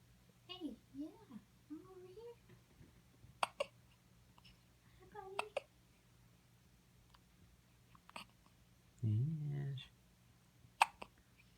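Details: Baby with frequent hiccups: several brief, abrupt hiccups at irregular intervals among soft vocalizing.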